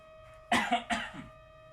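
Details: Acted cough from an adult man in a short film about a lingering cough: two or three short, harsh bursts over a steady background hum.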